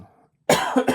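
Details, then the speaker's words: Single abrupt, forceful cough with a harsh burst and brief tail from an adult still recovering from a cough, not feeling sick. "Excuse me. Still recovering from this cough. Not feeling sick, but"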